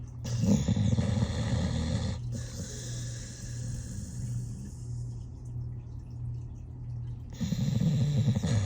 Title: 13yo Dog Snoring in His Sleep Compilation, Rescue Pit Bull Snores Like Old Man, Cute Pittie Snores